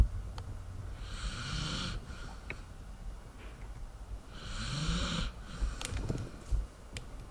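Two long, rough, rattling snores on the in-breath, each about a second long, with faint room noise between them.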